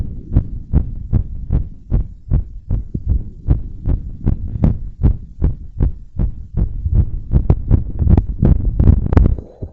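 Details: Heartbeat recorded through a stretchy belt tied around the chest after bouncing around and blowing up a giant balloon; pounding heart under stress; rapid heartbeat after exertion.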